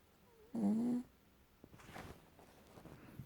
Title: Snoring Cat